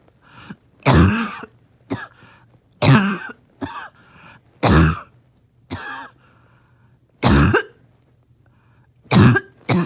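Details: Dog in the morning, finding it hard to rest: six harsh, honking cough bursts with brief gaps and a faint wheezy hum between; a dry barking cough in a dog.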